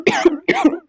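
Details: Person with a chronic cough: two short, voiced cough bursts heard close together in a quiet room.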